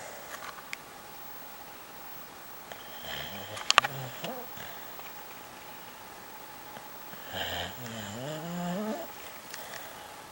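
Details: Sleeping dog snoring: two rough, vibrating snoring breaths, the second with a rising whistly tone, amid faint clicks and room noise.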